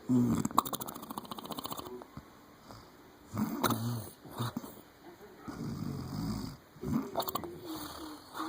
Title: Snoring like a horse